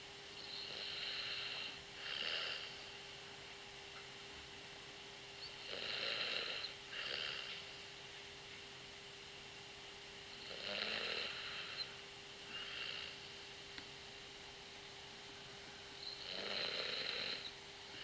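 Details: Snoring during night-time sleep with loud inhalation and exhalation: hissing, rattling breaths about 12 a minute with a steady hum behind; snoring.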